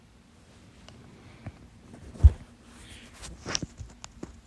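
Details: Stubborn fast hiccups blamed on too much salsa, lasting 30 minutes late at night; holding the breath failed until the fourth try: a few sharp, abrupt gulping hiccups in a quiet room, one especially loud.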